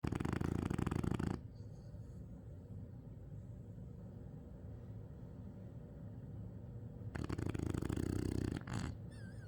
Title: Meatball snoring